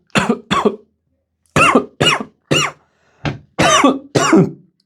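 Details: Adult man coughing after burning amber and synthetic resin prayer beads with a lighter: a run of eight harsh, forceful coughs in quick bursts over about five seconds.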